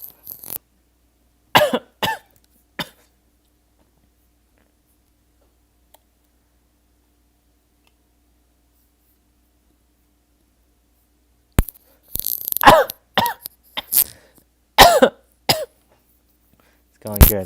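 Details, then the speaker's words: Adult at the back end of a cold: short, sharp dry coughs in clusters, with a long quiet gap between bouts; dry cough. "I'm on I'm on the back end of a cold. So, just getting just like all the dry coughs."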